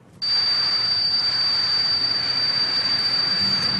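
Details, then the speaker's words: Simulated tinnitus, a symptom typically associated with hearing loss and present all the time: steady high-pitched ringing tone over a constant hiss. "That's not is ears actually different kinds of Sounds you know we've all had ringing in the ears After a rock concert or being next to a firecracker but This is different This is something That's going on all the time actually"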